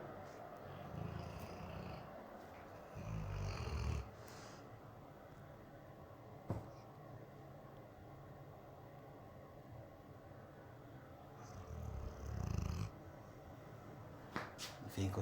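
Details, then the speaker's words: A sleeping pet dog snores with low rumbling sounds and a few louder bursts over steady room noise; the owner says it then had a nightmare and woke by itself. "Allez, gros bisous. Je vais vous faire écouter Gringo qui ronfle."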